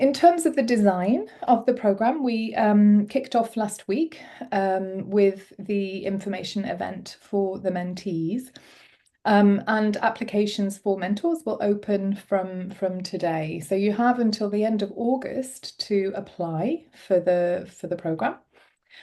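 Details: Adult woman; typical speech.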